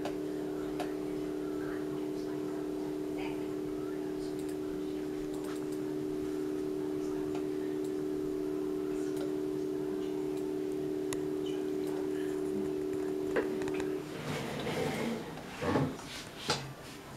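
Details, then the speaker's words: Open MRI scanner running with the patient inside during scout views used to check positioning: a steady low hum with soft ticking, quieter than a conventional scanner, then brief clatter and movement noise. "it's kind of even though it still makes a sound it's nothing like ah"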